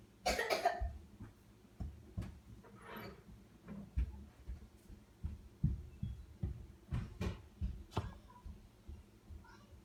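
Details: Snoopy, a pet, giving several soft coughs and hacks in a quiet room; cough in a pet.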